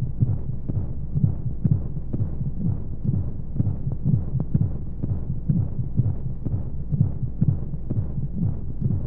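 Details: Baby sleep-aid womb sound: muffled whooshing heartbeat pulses at about 120 a minute under steady rushing noise and white noise, like a heartbeat heard from inside the womb.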